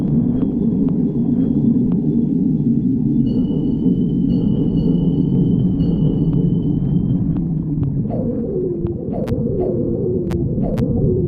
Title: stomach growling 49